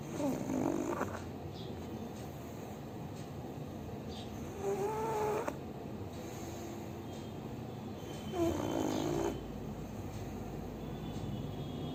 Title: Pug Life - Bhuri l Pug Snoring l Pug Sleeping l Animal Lover l Cute Pug l Sleeping Dog l Snoring Pug